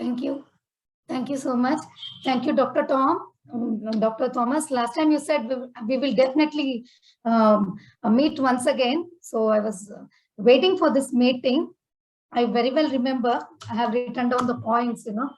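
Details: Adult woman speaking; ordinary fluent speech.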